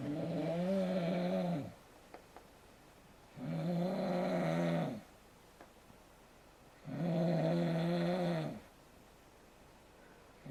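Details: Man snoring in bed: steady, loud, buzzing snores on each inhalation, about 17 a minute, with quiet pauses between.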